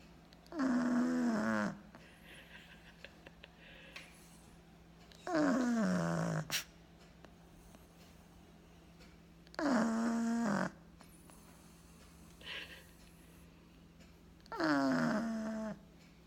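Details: A sleeping pug snoring loudly, about four drawn-out, rattling, groaning snores in 16 seconds with quiet pauses between.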